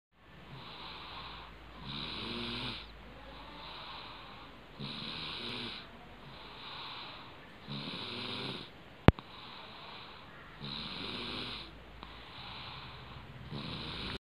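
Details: Toddler sleeping deeply from tiredness: regular rasping snores on each in-breath, roughly 14 breaths a minute, quieter out-breaths between, one sharp click; snoring.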